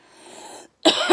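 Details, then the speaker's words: A single harsh, loud cough after faint breathy noise, from an adult under palliative care who stopped chemotherapy, with a chest infection with coughed-up blood and wheeze. "been quite off and sorry I've had a chest infection where I bought up blood obviously and the headaches and everything and the blood stopped so that's a good thing um to happen there for this horrific coffin wheeze"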